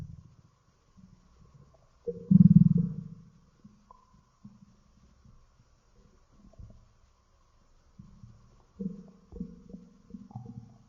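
Low gurgling rumbles with one louder growl, typical stomach growling from gas and fluid moving through the gut.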